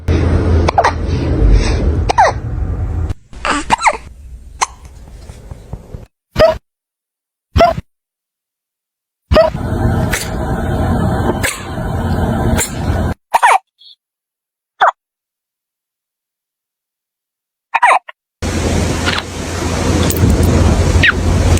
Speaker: Kitten hiccups caught on camera. Cutest sound ever.